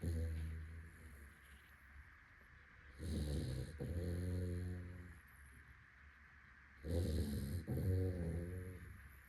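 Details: Labrador retriever dog snoring out loud while sleeping: two slow cycles of low, fluttering snores roughly every four seconds, with quieter pauses between.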